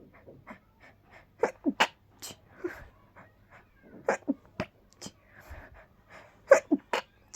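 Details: Person feeling very sneezy, tickly sneezes coming fast: several breathy, powerful stifled sneezes in short bursts with quiet pauses between them; repeated sneezing.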